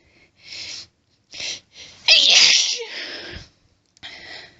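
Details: Female trying to hold back sneezes during a sneeze fit, with an itchy nose, apparently off her allergy medication; hissing held-back breaths, then a forceful explosive sneeze with a breathy tail.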